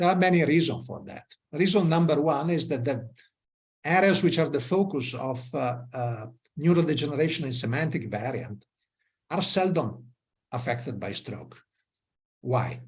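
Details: Adult male lecturer; normal speech.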